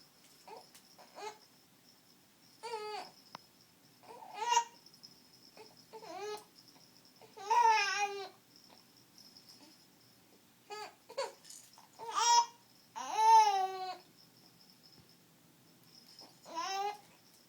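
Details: Baby with hiccups: soft, brief infant whimpers and fussy cries with pauses between them in a quiet room; mild infant crying.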